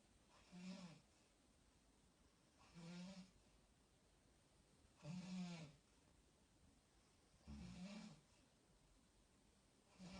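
Four quiet, regular snores, about 25 a minute, with soft room noise between them. Ordinary snoring during sleep.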